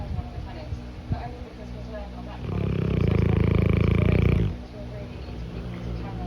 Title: Cane corso snoring while napping. #dogs #canecorso